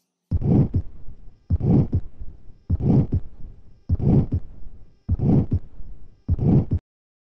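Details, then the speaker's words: Patient with aortic stenosis, teaching recording for medical students: six regular cycles at about 50 a minute, harsh rough systolic murmur ending in the second sound, first sound weakened; aortic stenosis murmur. "у пациента вы услышите грубый систолический шум который завершается вторым тоном первый тон при этом не слышит он ослаблен"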